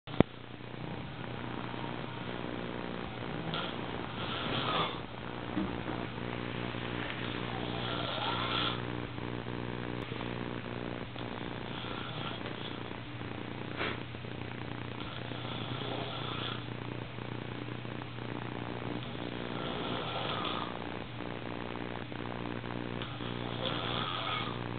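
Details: An adult snores in sleep after a formal event: a low, rumbling rattle that rises and falls with slow breaths.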